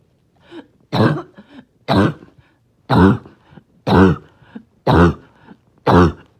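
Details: Barking cough, trying not to choke on a rough day: six harsh, barking coughs about one second apart, each followed by faint catching breaths.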